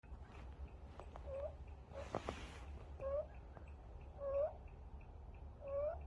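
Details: Five-week-old stray kitten with an upper respiratory infection makes a short high squeaky chirp with each breath in, about every 1.5 seconds: inspiratory stridor.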